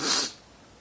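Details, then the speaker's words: Adult with daily allergy-related sneezing (5–50 sneezes a day since 2011; doctor says allergic to dust, pollen, trees): a single brief hissing burst of air that fades quickly, a small sneeze. "And that's your daily sneeze."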